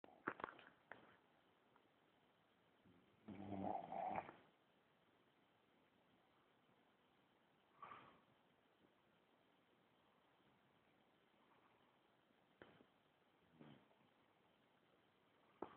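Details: Sleeping female pet snoring: soft, irregular snoring breaths with a louder rattly snore early on, in a quiet room; recorded on a mobile phone.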